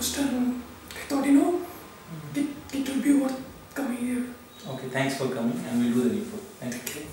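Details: 34-year-old man with puberphonia, a high-pitched voice for the last 20 years, recorded before therapy.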